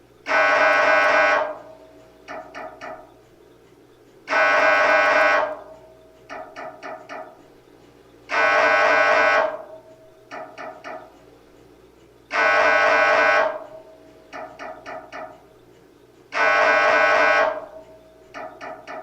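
Loud buzzing tones about every four seconds, each followed by quick knocking bursts, the repeating pattern of an MRI scanner.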